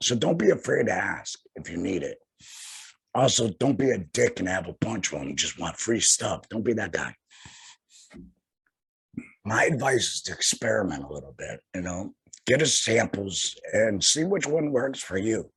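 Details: Tracheoesophageal voice in an adult male laryngectomee about two years after total laryngectomy for head and neck cancer, speaking through a tracheoesophageal puncture voice prosthesis by finger-occluding the stoma HME.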